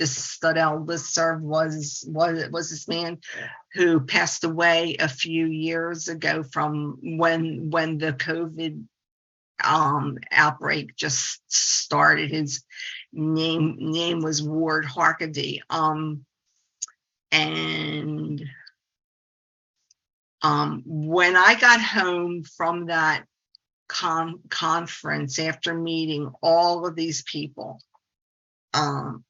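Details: Stuttering in a 68-year-old woman who is a speech-language pathologist.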